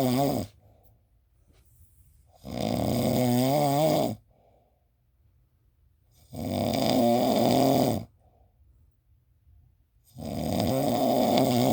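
Loud, rattling snores on each breath in, about 16 a minute, separated by quiet breaths out; ordinary snoring.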